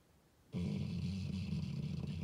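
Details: Loud snoring in a sleeping 4-year-old male American Staffordshire Terrier/Pitbull on his blanket: steady low rumbling snore with a rattling quality, starting abruptly and sustained through the breath.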